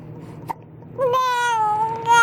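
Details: Young infant girl with hiccups, unhappy about them: a brief, high-pitched, wavering wail after a soft catch as she starts to cry; infant cry.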